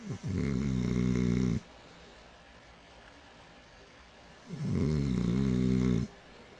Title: A Smooth Sexy Snore Treat